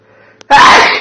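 A quick intake of breath followed by one loud, forceful sneeze.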